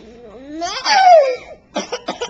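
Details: Young child with a bad cough during breakfast, recorded on a Flip Video camcorder: a drawn-out voiced cry, then a quick run of four short, sharp coughs.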